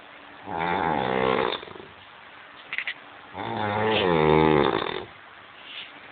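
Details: Snoring from a drunk sleeping man: loud, long rumbling snores on each in-breath, about 20 breaths a minute.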